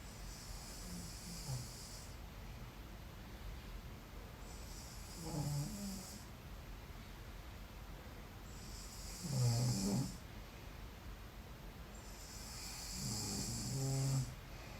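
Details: Adult sleeping in bed, snoring: low, rattling snores recurring about every four seconds, roughly 15 breaths a minute, in a quiet room.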